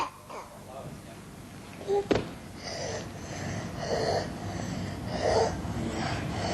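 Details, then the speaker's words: Infant boy with mild croup at rest: soft, repeated high-pitched stridor, mainly inspiratory with an expiratory component, plus clear nasal discharge and mild sternal and subcostal retraction. "the first three segments illustrate infants with croup ranging from mild to severe this boy has mild croup at rest he has a soft stridor"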